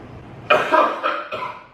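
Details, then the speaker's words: Simulated cough in a prank faking a bloody cough: an adult gives a harsh, wet-sounding burst of three or four coughs, claimed to have lasted since the night before, and the partner offers to buy cough medicine. "Nih sayang, kok batuknya kayak gitu banget sih? Beliin obat aja deh ya."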